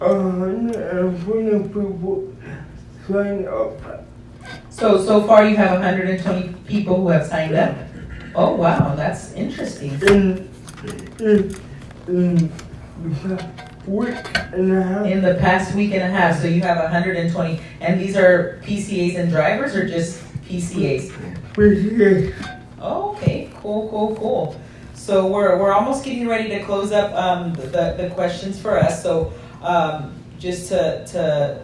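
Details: Adult speaker in conversation; normal speech.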